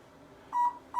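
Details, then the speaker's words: Short pure electronic beeps in a quiet room from a low-level therapy laser as it is set up to treat a patient's lumbar area for low back pain, skin cleaned with an alcohol pad. "I'm gonna go over to Laser over here I'm going to use now once you see is"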